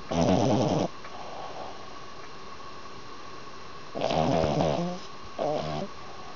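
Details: Sleeping dog, possibly a Brittany; three rattling snores on inhalation with quiet pauses between: ordinary snoring.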